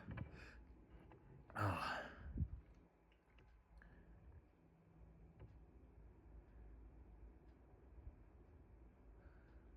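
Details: A forceful sneeze with a sharp vocal onset, then quieter nasal breathing, from a person with an itchy, stuffy nose who is deliberately inducing sneezes: sneezing.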